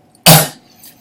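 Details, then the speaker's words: One abrupt, forceful, dry cough burst from a 24-year-old woman; a chronic cough of about a year and a half, later diagnosed as a vocal tic of Tourette syndrome. "those of you who don't have an Instagram or don't follow me on Instagram you probably don't know that I was dealing with a chronic cough for linking year-and-a-half it sounds like this"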